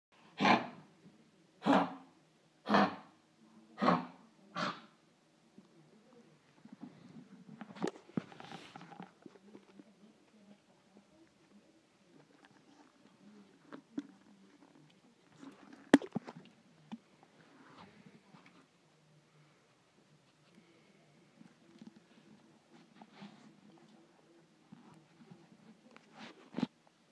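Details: Dog with kennel cough: a run of five harsh, forceful coughs, then quieter rasping and snuffling.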